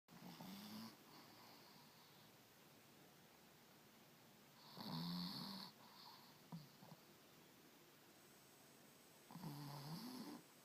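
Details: Chihuahua named Tony, sleeping, soft whistling nasal snores about every four to five seconds in a quiet room; snoring.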